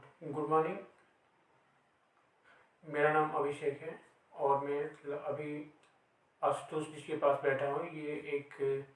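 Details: Real stuttering in an adult male host who stammers.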